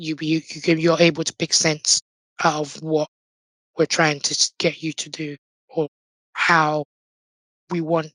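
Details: Adult man born six months premature with undeveloped airways, given emergency surgery at birth and living with a tracheostomy tube; prematurity heavily impacted his vocal cords; tracheostomy voice.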